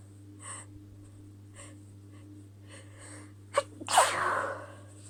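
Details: Hitching sneezes from a female with a lingering tickle: several soft catching inhalations followed by one sharp, explosive sneeze, over a steady low background hum.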